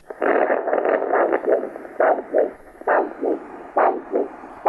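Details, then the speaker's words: Handheld Doppler over the brachial artery at the antecubital space, blood pressure cuff on the arm: regular whooshing pulses about 68 a minute, a normal triphasic arterial pulse waveform. "Now, that's a nice signal. It's a normal triphasic pulse waveform that we're hearing uh with our Doppler."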